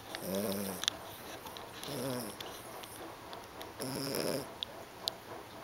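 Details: Snoring: soft, rhythmic, fluttering snores repeating about every two seconds, with faint clicks and room hiss.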